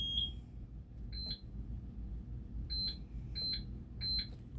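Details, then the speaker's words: IV fluid pump being set up with lactated Ringer's for a canine patient, rate 150: short high double keypress beeps over low room rumble. "We're going to go ahead and set up the rate. Um we're going to turn it on and then his rate today is 150."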